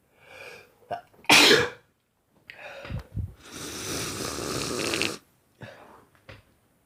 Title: More sneezing and noseblowing (Male)